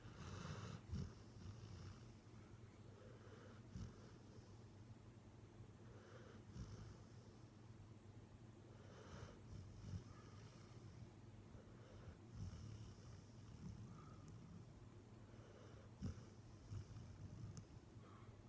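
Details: A Labrador snoring on the couch after a morning walk, soft low rumbling breaths with faint snorts repeating every few seconds; quiet snoring.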